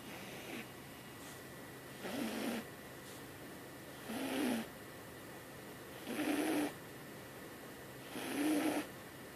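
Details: Sleeping cat snoring, first mistaken for a person snoring: soft, regular rasping snores about 29 a minute, each a half-second rumbling breath over quiet room noise.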